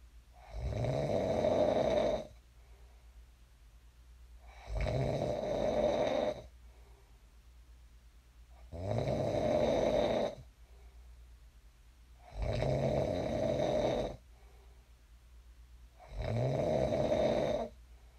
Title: [코 고는 소리 ASMR] 잘 골고 일어났습니다. I snored well and woke up.